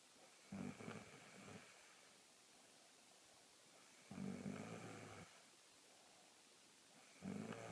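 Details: Loud, rattling snores from a female asleep, about every three to four seconds (roughly 18 a minute), each trailing into a softer breath; secretly recorded loud snoring.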